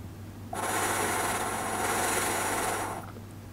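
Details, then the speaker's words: Steady buzzing rattle through one long exhalation into an AirPhysio vibrating-ball device, used by a new user with chronic bronchitis since childhood and excess mucus; oscillating positive expiratory pressure device in use. "okay it vibrated a little bit this time that was interesting i can feel like a little something going on in the old esophagus again"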